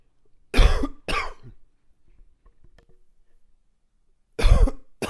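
Short coughing fit of about four loud coughs with a chesty, slightly congested quality.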